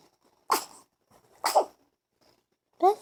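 Two short, sharp nasal bursts about a second apart, then a brief yelp-like sound, consistent with sneezing in a small dog.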